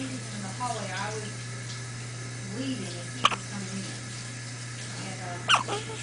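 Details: Baby girl with hiccups for about 10 minutes after feeding.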